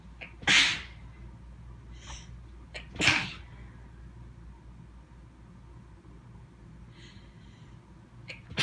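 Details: Sneezing fit: two loud, explosive sneezes about 2.5 seconds apart, with sniffs and catches between as the sneezes keep getting stuck and the nose itches intensely.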